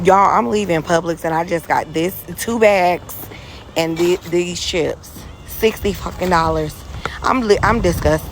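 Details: Adult speaker; normal voice.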